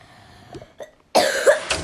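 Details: Child who is ill with a very high temperature, caught at school: a single harsh cough burst after faint rustling in quiet room noise.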